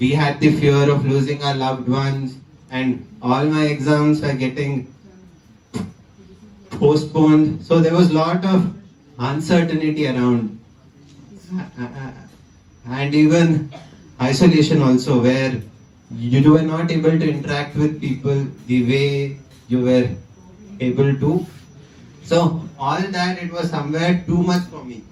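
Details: 20-year-old man who stammers; stuttering.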